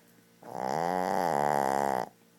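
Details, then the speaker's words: Shih Tzu dog snoring very loud while asleep: one loud, buzzing, vibrating snore lasting about one and a half seconds on a single breath; snoring. "there he is sn situ More louder Than a human Being More louder"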